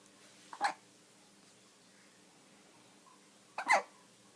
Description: Kitty looks at baby hiccuping